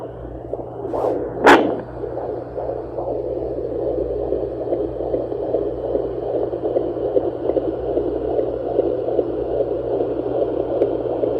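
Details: Fetal heartbeat on a Sonoline B handheld Doppler in a plus-size pregnancy: scraping probe noise, then a steady, rapid, rhythmic whooshing pulse, found again after checking the mother's slower heartbeat.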